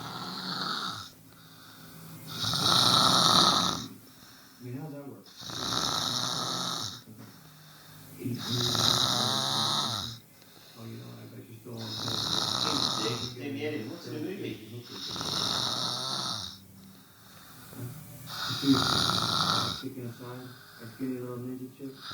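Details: Brother asleep: loud, harsh snoring on each breath, about 19 per minute, with fluttering rattles between snores; snoring.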